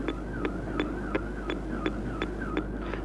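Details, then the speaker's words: Heartbeats from a 1975 educational film: a man running on a treadmill at 10 km/h has a faster heartbeat from exercise, compared with a resting woman's slower heart. "His heart has to work faster than hers, pumping more blood around his body to provide his muscles with fuel and oxygen. Listen to her heart. Still slow at the top. And his faster at the bottom there."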